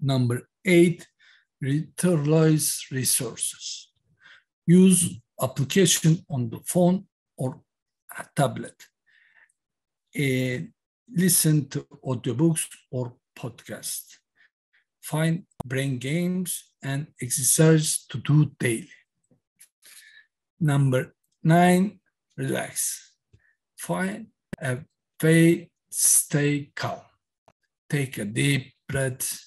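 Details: Aphasia in a man after a massive stroke in October 2016 at age 42; stroke survivor speaking about his recovery.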